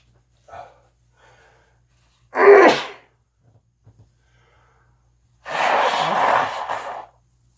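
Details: Small catch of breath, then two loud sneezes, the second long and forceful, within a long, continuing sneezing bout; sneezing fit.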